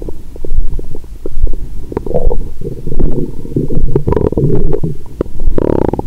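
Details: Stethoscope on the abdomen after a large Christmas dinner with wine following a 22-hour fast; stomach rumbling constantly. Continuous low gurgling and rumbling with waves of louder bubbling: active bowel sounds after a large meal.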